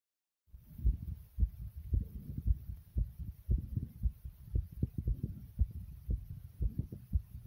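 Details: Rapid, steady, low thumping heartbeat of the recorder's own heart at about 115 beats a minute; tachycardia, fast heartbeat.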